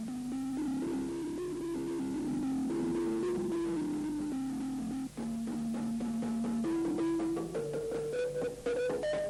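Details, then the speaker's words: Simulation of what deaf children perceive through their hearing aids while playing a balafon: muffled, distorted wooden-bar notes over a constant noisy hum. "voici une simulation de ce que ces enfants perçoivent grâce à leurs prothèses auditives"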